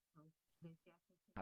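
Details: Adductor spasmodic dysphonia, with forced speech, interruptions and a tense onset.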